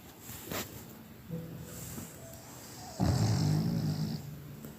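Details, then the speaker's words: Low rumbling snorts, then one louder, longer snore near the end, from a small puppy asleep while swaddled in a dressing gown sleeve; dog snoring. "She's gone to sleep and snoring even though I thought she looked like EG phone home."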